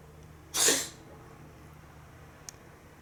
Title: くしゃみが止まらない美猫Cat can't stop sneezing